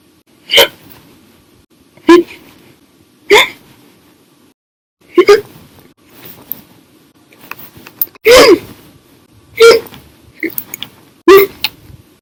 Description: The Violent, Little Loud, Silent, Minute Hiccups lasted 1 Hour and 51 Minutes for 6/1/19 after drinking 1 bottle of soda after Dinner.